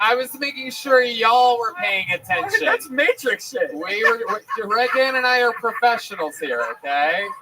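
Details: Adult male speaker; normal speech.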